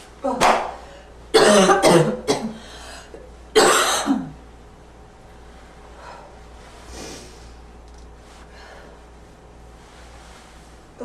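A few harsh, barking coughs in quick succession, with a faint wheezy edge, then quiet breathing.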